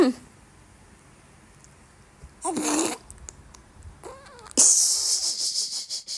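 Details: Six-month-old baby's playful cough: short voiced infant coughs and squeaky sounds, then a louder burst, without distress.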